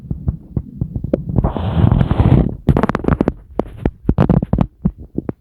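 Irregular low pops and clicks with a long gurgling rumble, typical of ordinary stomach rumbling.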